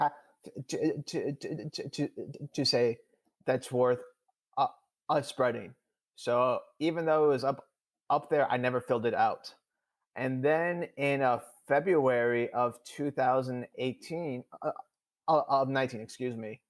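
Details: Adult male who stutters, speaking in real conversation; he reports stuttering more than he had in years during a recent public talk; stuttering.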